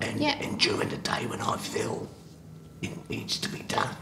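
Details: Tracheoesophageal speech after total laryngectomy for recurrent subglottic cancer in a 61-year-old man using a voice prosthesis, in a training simulation scenario; heard after the valve was cleaned and his voice was restored to normal.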